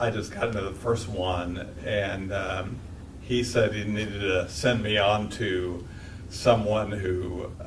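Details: 52-year-old man with cerebellar-type multiple system atrophy; slurred speech began about two years earlier along with ataxia; walks with a cane; classic ataxic speech; ataxic dysarthria.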